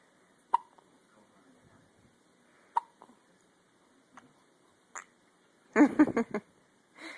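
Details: A girl with the hiccups: four short, sharp, evenly spaced jerky bursts, then a brief louder voiced burst.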